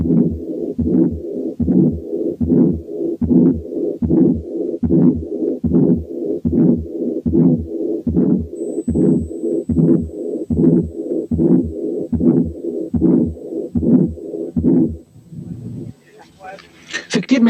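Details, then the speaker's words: Combined aortic stenosis and incompetence: regular heartbeat near 74 a minute with a harsh ejection systolic murmur and a softer early diastolic murmur. "دلوقتي نسمع combined aortic stenosis and incompetence فيها both ejection systolic وال early diastolic murmurs."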